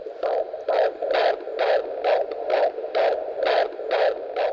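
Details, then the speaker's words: Fetal heartbeat on Doppler heard by a midwife during a teenage mother's prenatal visit, lying down; rapid, regular whooshing pulses about 130 beats a minute, a normal rate. "alors la sage-femme le réserve une surprise écouter le cœur du bébé"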